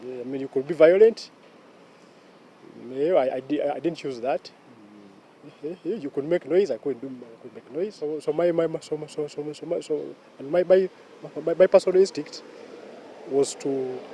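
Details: Stuttering in a 44-year-old man who has stammered since childhood; cause unknown, described as largely genetic; stuttering.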